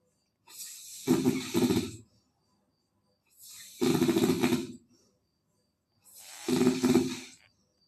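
Three loud, rough, rattling snores on the in-breath, about one every 2.5 seconds, with quiet pauses between: ordinary snoring.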